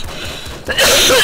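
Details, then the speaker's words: Single harsh dry cough from an adult during a gaming session, described as really dry and sounding painful, with mention of having been sick; a dry cough after quiet background. "sorry that sounded really weird probably that's was a really dry cough sounded like I was in in pain"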